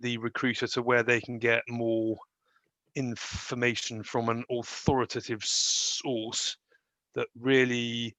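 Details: Stammering in an adult man.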